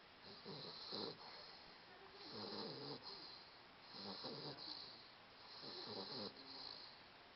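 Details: 16½-week-old napping: soft, rhythmic snuffling snores with a faint whistle, about 34 breaths a minute, during sleep. Light snoring.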